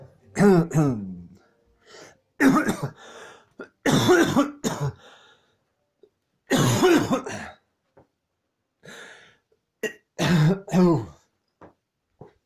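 Repeated bursts of harsh coughing and throat clearing in clusters, with short pauses between them: a coughing fit.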